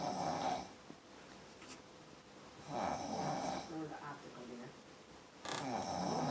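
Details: Woman snoring in a quiet room: loud, rasping snores on each breath in, about one every two to three seconds; ordinary heavy snoring.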